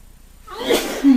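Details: Man with pollen hay fever, just back from outside, sneezing for about half an hour: single forceful sneeze with a sharp inhaled lead-in.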